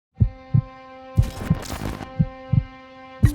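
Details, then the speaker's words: Adult with advanced congestive heart failure and an Abbott HeartMate 3 LVAD implanted in the left ventricle in January 2017: steady electronic pump whine over soft paired heartbeats, about 60 a minute. "This is my heartbeat, the sound of my heart with a pump, and I'm gonna share with you. This is the beat that is keeping me alive and strong."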